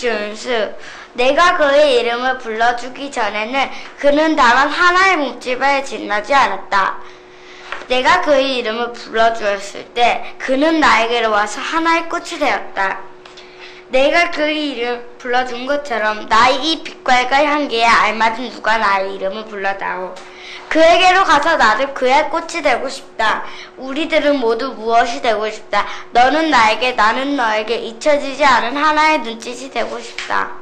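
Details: 10-year-old girl, elementary school student, with childhood vocal fold nodules; earliest recording in a before-and-after voice therapy series; vocal fold nodules (pediatric).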